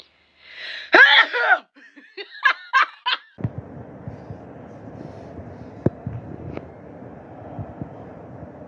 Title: LET'S TRY🤣 Sneezing with eyes open #funnyshortvideo #sneeze #funnyvideo